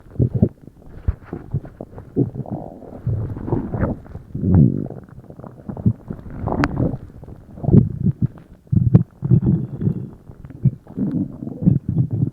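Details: Bowel sounds (borborygmi) after a meal: loud, frequent, low gurgling and rumbling from the belly, the active sounds of digestion.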